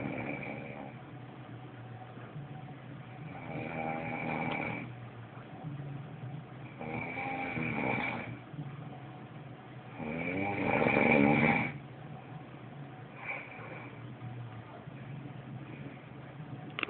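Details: Sleeping snorer: rough, rattling snores with each breath, about four in seventeen seconds, over steady room hum; ordinary snoring.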